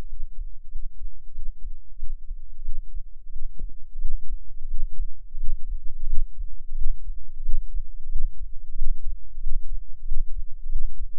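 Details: Normal adult heartbeat at about 88 bpm recorded with an experimental microphone enclosure and tube, dominant frequency about 10 Hz: soft, muffled, deep low thumping in a steady rhythm; recording includes a breath-hold.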